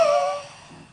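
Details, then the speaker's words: Medium-volume huff (forced expiration technique) demonstrated for clearing phlegm: deep breath in, then a single short forced breath out through an open throat with more force, strongest at the start and fading within a second, moving phlegm up toward the throat. "Next one is a midv volume half. So a little bit more force behind it. This is to get the fleg from here up to the throat."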